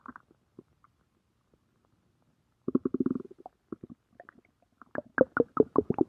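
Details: Stomach growling (borborygmi): gurgling, bubbling rumbles in irregular bursts, quiet at first, then louder gurgles near the end.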